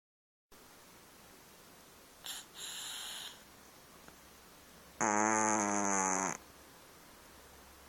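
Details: Cat's loud snoring: a soft airy breath followed by a strong, buzzing rattle on one breath, in a quiet room.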